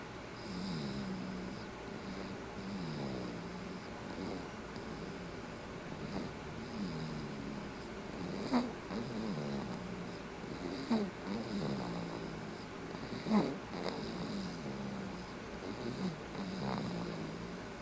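Steady low rumbling breathing with soft snorts, about 25 cycles a minute, over room hiss; snoring.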